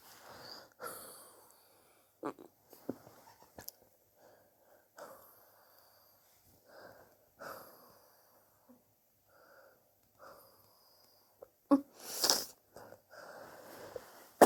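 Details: Own cough, recorded over several weeks; sore from coughing, suspects bronchitis but unsure, chest x-ray planned to check for pneumonia: scattered short cough bursts and throat-clearing, some harsh and wheezy, with quiet gaps.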